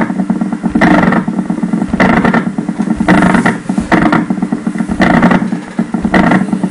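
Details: Needle EMG: repeated bursts of rapid rumbling about once a second, like a revving engine; prolonged myokymic discharges.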